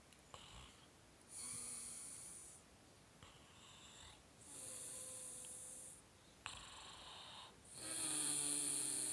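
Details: Snoring: repeated high-pitched, nasal, whistling, wheezy snores on each breath with quiet pauses between.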